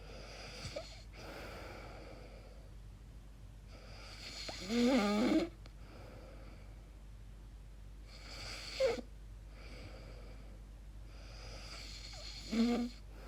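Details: Person recording their own sleep, unsure whether it is snoring or sleep apnea: soft breathing with brief snorting, catching noises on some breaths over steady room hum; irregular light snoring.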